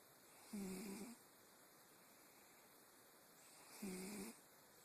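Two soft, buzzing snores about three seconds apart in a quiet room. Gentle snoring, roughly 18 breaths a minute.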